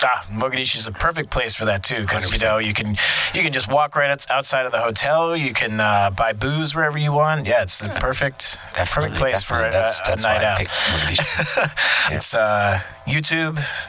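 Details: Adult male speaker, podcast conversation; Normal conversational speech.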